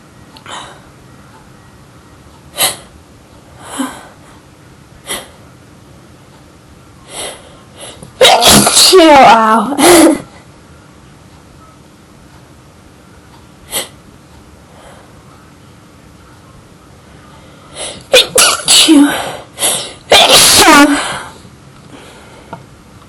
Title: Loud Sneeze Fit